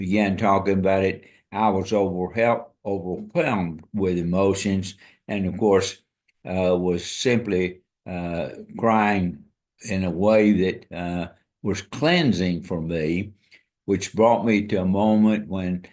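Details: Dysarthria in an adult man with ALS (amyotrophic lateral sclerosis), diagnosed February 2024 after earlier diagnoses of Parkinsonism, Parkinson's disease, spastic paraplegia and primary lateral sclerosis; he reports his ability to walk and speak is failing.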